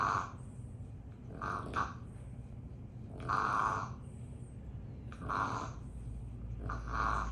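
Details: Repeated nasal, honking snorting snores about every two seconds from a sleeping French bulldog puppy; snoring.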